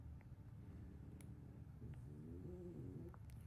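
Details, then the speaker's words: Four French Bulldogs sleeping at home give a quiet, steady, low rumbling snore, with a brief whine-like tone partway through. "I have If you can hear them snoring right now, I have four Frenchies and they have to take care of every night and every day."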